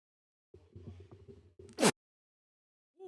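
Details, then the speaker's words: Single sneeze from an adult man during a live sports commentary stream: a brief voiced, gasping wind-up ending in one sudden, loud, hissing burst, then a short silence. "Had to sneeze. They want y'all to hear that. Had to sneeze."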